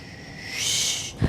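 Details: Vocal imitation of a venous Doppler signal at the popliteal region, heard in assessment of acute lower-limb ischemia: a soft, rising, non-pulsatile whoosh, unlike the pulsed arterial signal.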